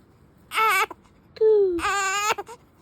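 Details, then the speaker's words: A tired, cranky newborn girl cries: two short, high-pitched wails separated by a brief pause in a quiet room, an ordinary fussy infant cry after earlier cooing. "No one getting cranky. [crying] Oh, getting cranky instead. She's tired."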